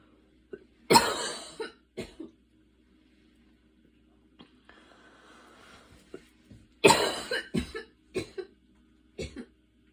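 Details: Evening asthma cough after walking and running outside in the rain with intense breathing, inhaler used: two bouts of harsh coughing, each a strong burst followed by several shorter coughs, faint background hum.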